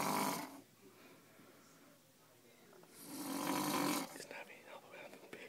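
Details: Two long, rough, noisy snores about three seconds apart, with quiet breathing between, from a person snoring in a small room during a tamale-making day.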